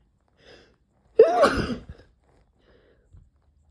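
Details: Sneeze induced by trying Chhinkni (sneezing powder) for the first time: a single loud, sharp sneeze with a brief voiced burst, followed by quiet.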